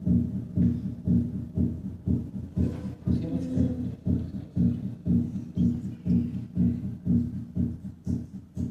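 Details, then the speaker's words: Persistent splitting of the second heart sound in a dog with a condition given as a common cause (name unclear in transcript), at 60 and then 120 beats per minute. "Entonces damiento persistente s2 en un perro con la 11 la pilari Asis es una causa común de desdoblamiento persistente de s2 en el perro escuchemos primero a 60 latidos por minuto"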